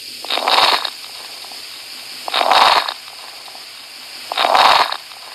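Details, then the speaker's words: Teaching sample of coarse crackles: three breaths in about five seconds, each with loud, bubbling, higher-pitched, Velcro-like crackles signifying fluid buildup. "coarse crackles are higher pit sounds and louder as compared to the fine grackles you can compare it to the sound a velco creates when you open it it signifies fluid buildup"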